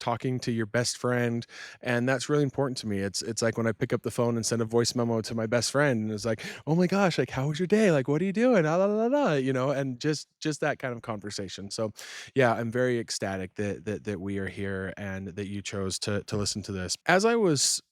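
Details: Stuttering with word and phrase repetitions in an adult man who stuttered from childhood and had speech therapy until junior high; he still stutters when fast, nervous or excited and has residual R difficulty.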